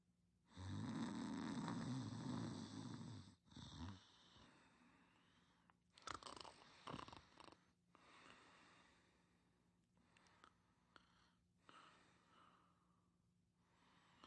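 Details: One loud, rough rattling snore, then quieter breathing and faint noises against a steady low room hum during a nap; snoring.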